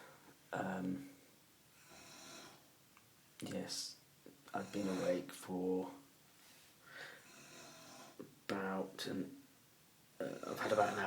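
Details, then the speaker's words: Adult man's loud, irregular snoring at 6:31 a.m., keeping someone awake; shushing or moving him makes it louder. Repeated rough snores with sputtering, snorting bursts every few seconds in a quiet room. "sleep um if you move or try and get to shush then it just makes loud louder it's louder and there nothing you can do about it"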